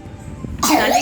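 Quiet pause, then a single loud, harsh cough burst from a young child with a cold.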